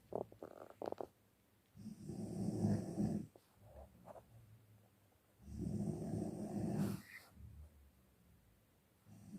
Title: SUARA NGOROK TIDUR PULAS